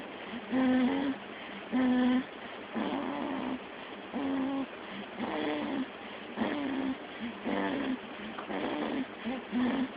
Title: Snoring Callum